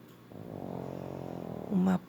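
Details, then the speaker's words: A loud, low, rattling snore on one long breath, ending in a louder snort: a female pug that snores very loudly. "Ela ronca muito alto."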